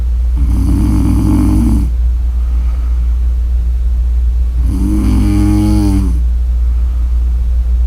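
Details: Two loud, vibrating snores about three seconds apart over a steady low background hum; snoring during sleep.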